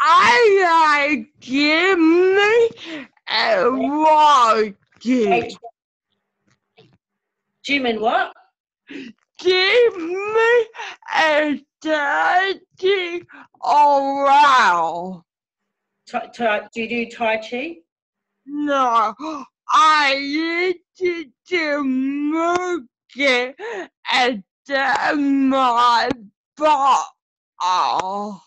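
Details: Adult woman with cerebral palsy whose muscles tighten when she gets excited, making her speech harder to follow; dysarthria (cerebral palsy).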